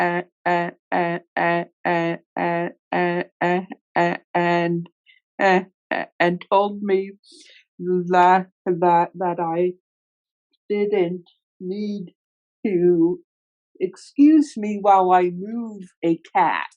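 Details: Adult man who stutters, with word and part-word repetitions; stuttering.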